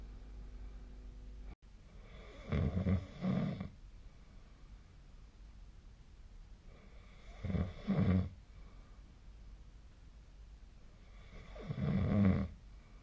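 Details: Adult snoring during sleep, recorded 2025/01/17, possibly with the SnoreLab app: loud, rough snores on breathing in, about 14 a minute, with quiet breathing out between.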